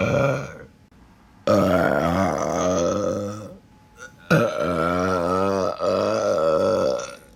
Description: Some more sexy burping for everyone